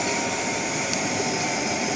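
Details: Mechanical insufflation-exsufflation (cough assist) device in manual mode during a pre-use pressure check before mask use on a child, exsufflation set at 40 and insufflation at 20: steady loud rushing air and motor whine.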